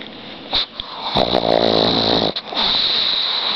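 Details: Pug dog sleeping after walking and running that day, snoring loudly: harsh, rattling snores with snorting sounds over a steady background hiss.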